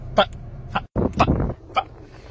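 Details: Adult man with Tourette syndrome producing vocal tics, including shouted expletives.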